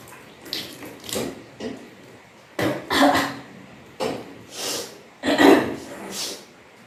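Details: Repeated forceful retching bursts with gagging and throat noises in a small room; self-induced vomiting after drinking water and pressing with fingers, during kunjal kriya (vaman dhauti) yoga cleansing.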